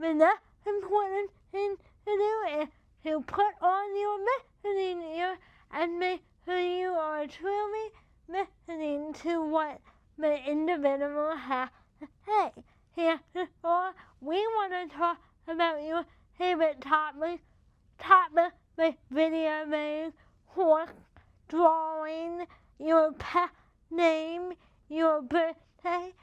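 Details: Speech of a woman with cerebral palsy affecting her mouth muscles, so talking takes her more energy and listeners may need her to repeat. Finding: dysarthria due to cerebral palsy.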